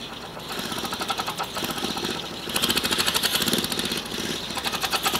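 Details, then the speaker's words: Hand-cranked PEP airway clearance device used for COPD secretion clearance: rapid rattling, whirring pulses as the user exhales through it with a tight seal while rotating the handle, creating vibrating back-pressure. "you continue rotating it as you exhale and you can do it as you inhale too whatever works for you just experiment around and see what's best for you repeat it several times and this is how you do it"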